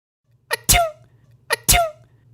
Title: انواع العطسات |types of sneezing